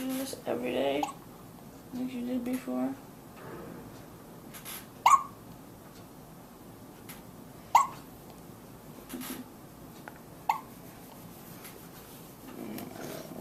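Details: Hiccups in a newborn baby boy one day after birth: brief sharp hiccup clicks every two to three seconds over quiet room noise, with soft whines and murmured adult talk.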